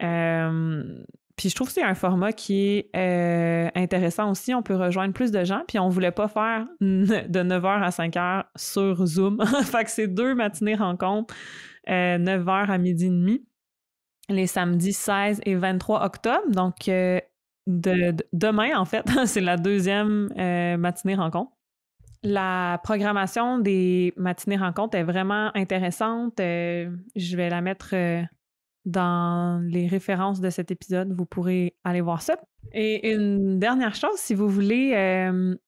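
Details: Stuttering in an adult woman who stutters, speaking conversationally in French.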